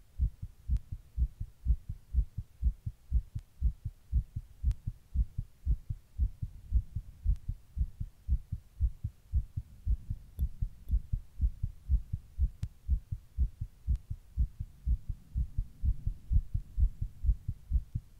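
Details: Person's own heart recorded while sitting in 100-degree heat during a heatwave: rapid, regular low thumps throughout, tachycardia (fast heartbeat).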